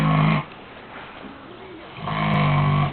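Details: Pig snoring: two deep, rumbling snores separated by a quiet pause, with music and applause around.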